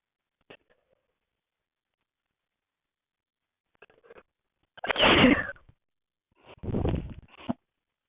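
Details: Small catching breaths, then two sharp, explosive bursts of air about a second and a half apart; sneezes.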